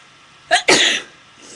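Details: A short intake sound followed by one sharp, hissy burst: a single ordinary sneeze.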